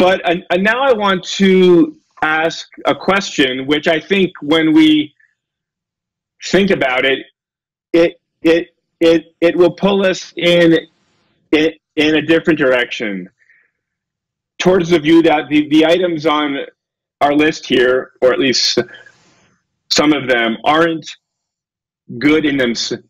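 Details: Adult male lecturer with a self-reported stutter, getting stuck on his words; stuttering.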